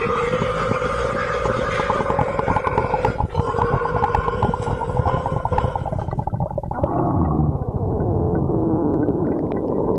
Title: D sides GF stomach growling